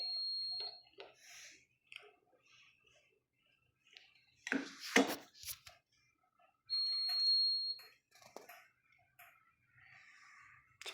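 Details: Steady high beep tones with clicks and handling noise as a Mindray SV600 ventilator restarts and boots after a software upgrade for a Device Failure 19 (battery not detected) error; power-on alarm tone.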